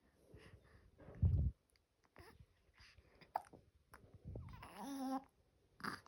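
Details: Infant girl hiccuping in the morning: brief, abrupt hiccup sounds recurring among soft cooing and babbling in a quiet room.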